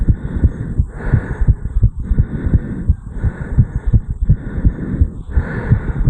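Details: 34-year-old male, recorded over the mitral area right after jogging up a flight of stairs: fast, hard-pumping heartbeat, sinus tachycardia after exercise.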